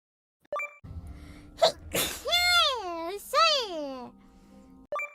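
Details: A VTuber streamer's sneeze: a sharp burst of breath followed by a rising, sing-song voiced sound, over faint background music; sneezing.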